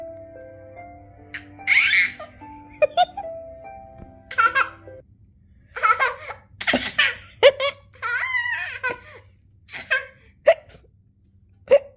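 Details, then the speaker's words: A 15-month-old toddler giggles and laughs, with short, sharp, repeated hiccups between laughs over soft background music. "are you hiccuping do you know is that a hiccup"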